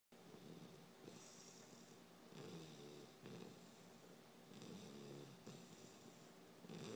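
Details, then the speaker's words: 12-week-old Beabull puppy asleep, snoring surprisingly loudly: soft, rough snoring and snuffling breaths about one every two seconds against steady room noise; snoring. "um i cannot believe how loud this poor puppy can snore it's crazy"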